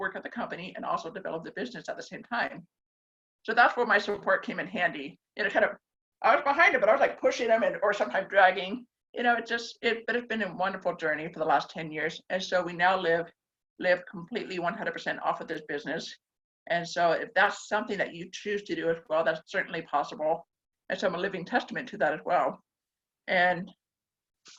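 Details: Woman born mostly deaf who received a hearing device at age four; self-described mild deaf accent; deaf speech (mild deaf accent).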